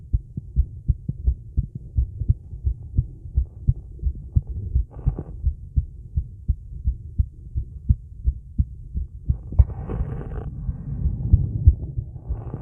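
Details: Female's heartbeat recorded after a 30-second plank, during recovery and breath-hold: steady, rapid low thumps with brief rustling bursts; normal heart sounds, fast rate after exertion.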